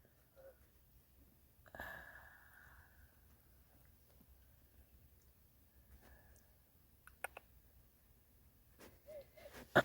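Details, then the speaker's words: An adult speaker who dislikes their own recurring wheeze gives a brief, high-pitched whistling breath in a quiet room while talking. It is a self-reported wheeze. "Oh, I hate it when I wheeze like this. It's right. I just hate that sound."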